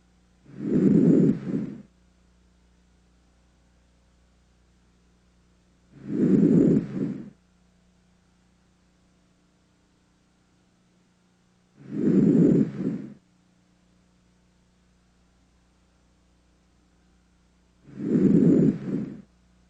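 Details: Stethoscope auscultation of the anterior chest during chest examination: four soft, even breaths at about ten a minute, with no added sounds; normal breath sounds.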